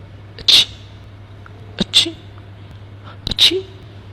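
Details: Three short, sharp, hissing sneezes, each preceded by a quick intake of breath, over a steady low hum.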